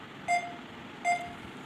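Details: Two short, clear electronic beeps under a second apart over room hiss: the pulse tone of a Cardiaco 6 multiparameter patient monitor running in demo mode with simulated 3-lead ECG, SpO2 and respiration, not a real patient.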